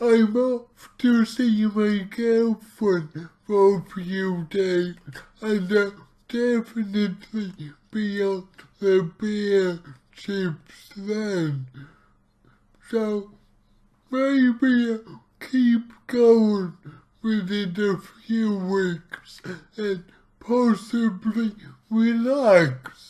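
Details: Male speaker with his own cerebral palsy, real not acted, trying a keto diet; dysarthria (cerebral palsy).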